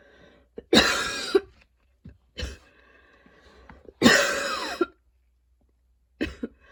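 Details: Adult's long wheezy coughing fit after a run, with freshly cut grass outside (grass allergy) and fatigue: two long harsh coughs and several shorter ones, faint whistling tones between bursts.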